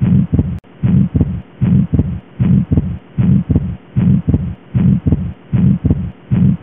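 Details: Atrial septal defect heard in real time: regular heartbeat near 77 per minute, S1 followed by a soft systolic murmur and then a fixed split S2.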